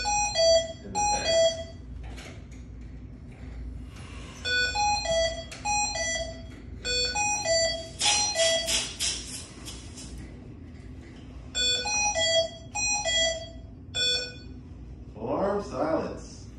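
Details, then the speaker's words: Hamilton C1 ventilator alarming during setup demonstration: repeated bursts of high-pitched descending electronic tones with brief pauses; ventilator alarm. "the next button you want to know is arm silence until you can figure out what's happened to the vent"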